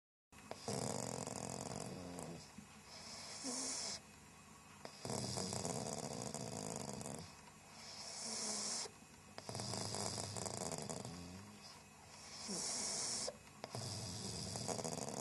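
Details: Pug snoring while being petted: loud, rhythmic snores with harsh rattling on each breath; snoring.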